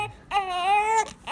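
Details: Newborn baby boy's first cry just after a natural, unmedicated hospital vaginal birth without epidural, labour beginning around 38 weeks: a short, clear, strong wail and a vigorous first cry.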